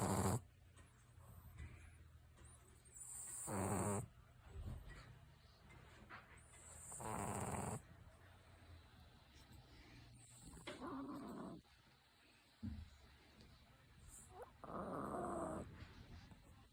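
A sleeping dog snores with slow, rough, rattling breaths about every four seconds, with quiet room noise between.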